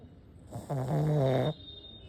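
A single loud, low, buzzing snore lasting under a second, from a flat-faced dog breathing in while asleep.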